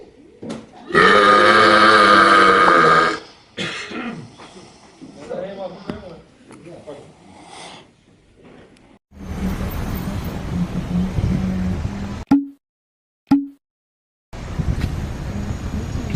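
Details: Forceful burping in public: a long, loud, roaring belch, then shorter low grunting sounds, then a second deep belch with room noise.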